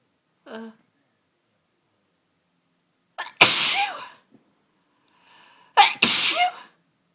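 A brief vocal sound, then two forceful sneezes a few seconds apart, each with a quick intake of breath before it, in a sneezing bout.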